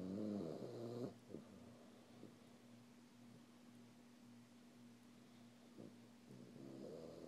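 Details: Sleeping pet snoring: low rumbling snores at the start and end, with quiet breathing between.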